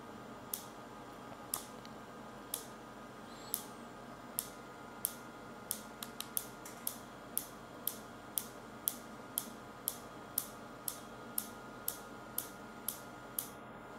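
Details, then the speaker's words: Sharp clicking pulses about one per second over a faint hum as a focused shockwave applicator (ESWT) delivers pulses at the patient's tolerated pain point on gel during heel spur (plantar fasciitis) treatment, introductory session, before switching applicators. "The patient tells us when we find a point and at that level of tolerance we deliver the required number of pulses."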